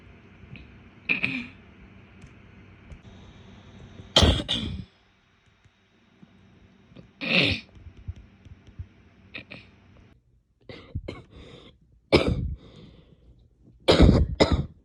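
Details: An adult female gives a series of short, separate coughs, some single and some in quick pairs.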